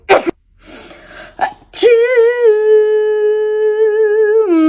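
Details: Comedic acted sneezing showing types of sneezers: a sharp sneeze burst, then short snorts and a long drawn-out sung tone.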